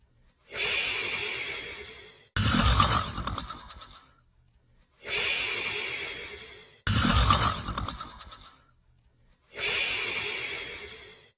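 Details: Australian Shepherd dog sleeping and snoring: slow, noisy sleep breathing at about 13 breaths a minute, with rough snorting on the in-breath and long sighing out-breaths.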